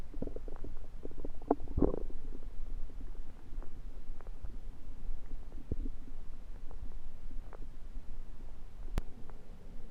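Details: Belly sounds that began suddenly after eating something self-cooked, suspected undercooked, late February 2023: continuous low rumbling with frequent gurgles and pops; active bowel sounds (borborygmi).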